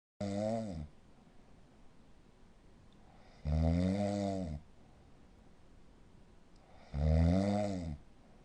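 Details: Snoring from a patient with sleep apnea syndrome: three loud, rough snores about 3.5 seconds apart, each lasting close to a second, with quiet breathing between them.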